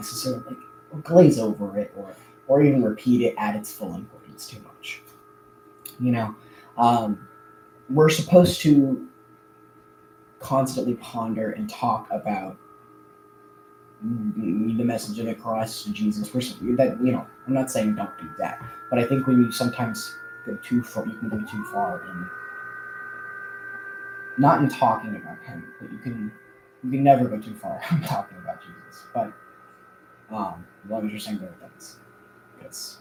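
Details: Adult man who says he stutters a lot more now than in the past; audible word repetitions; stuttering.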